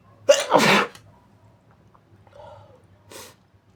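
A loud double sneeze, partly muffled, followed by a quiet voiced sound and a short wet sniff; ordinary sneezing.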